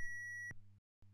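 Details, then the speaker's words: Steady high beep cut off by a click, then a short pause: an AED's shock-delivery tone after the orange shock button is pressed, in a single-rescuer CPR and AED demonstration on an Ambu training mannequin. "shock delivered begin CPR start CPR again as soon as prompted by the AED"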